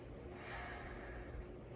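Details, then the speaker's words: Patient sitting up, likely after surgery, does a practiced deep breathing exercise, breathing in and then slowly and audibly out through the mouth. "You have to breathe in and then breathe out through your mouth."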